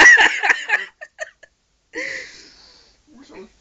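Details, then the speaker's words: Man with repeated hiccups in his room, described as sea-lion-like: a burst of voiced sound, then several short sharp gulping catches and a longer voiced squeak. "has hiccups I think I stop now"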